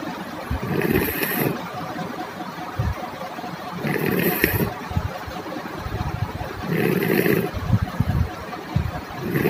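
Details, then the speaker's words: Sleeping child with a low-pitched snore that occurs only during sleep: loud rattling snores with each breath, about every three seconds. Nasal endoscopy showed enlarged adenoids behind the nose; snoring from adenoid enlargement. "like we hear in this video this child has a low pitched snoring sound which happens only during sleep"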